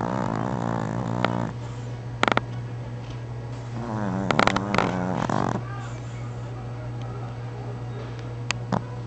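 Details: Sleeping female Chihuahua, tired after playing, snoring with rattling, fluttering noises on the breaths over a steady low hum.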